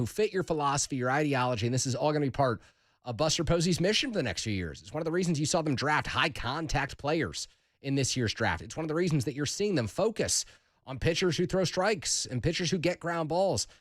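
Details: Adult male speaker; normal voice.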